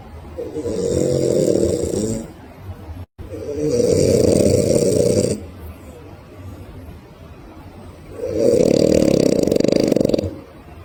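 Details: Sleeping dog snoring, raising its paw mid-snore: three long, loud, rasping snores of about two seconds each, with quiet breathing between them; ordinary snoring.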